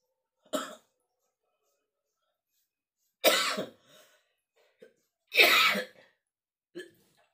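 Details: Adult man at dawn, feverish with masuk angin in the rainy season, getting kerokan (coin scraping) from his wife: four separate harsh dry coughs with quiet gaps between.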